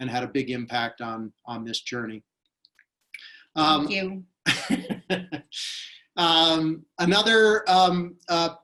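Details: Woman with aphasia since a 2011 stroke that initially took away all of her speech, now speaking in a talk; speech described as weak and difficult to understand; aphasia.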